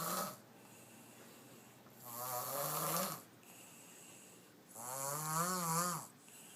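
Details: Small Filipino girl snoring louder than two grown men: loud, rattling snores on each breath in, about 21 breaths a minute, quiet breathing out between; ordinary snoring.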